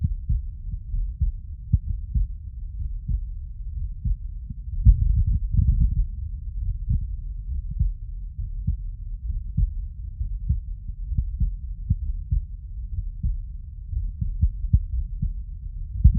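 Regular low thumps through a stethoscope, with some rubbing noise partway through; an ordinary heartbeat.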